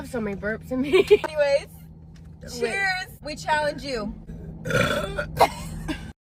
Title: Girl keeps on Burping Loud